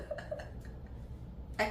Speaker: as you can hear I still have um my voice is still not totally back to normal I still have the stuff nose and when I'm laughing I cough